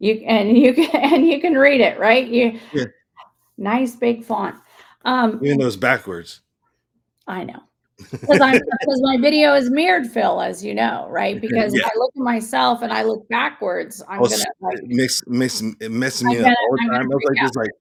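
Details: Adult speaker in conversation; speech.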